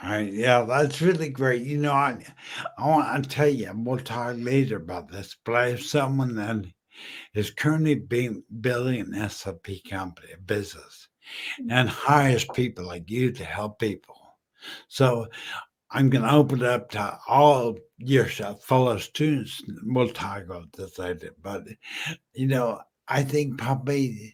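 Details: Adult male 14 years after a stroke from a brain aneurysm, initially totally mute, who still smashes words together and uses slowing down and over-articulating as strategies; dysarthria after stroke.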